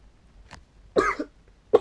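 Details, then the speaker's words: Two short, harsh cough bursts with faint throat sound before them from a male gamer who apologises for the cough, saying he has just fallen ill. "это господи я извиняюсь за этот кашель просто заболел"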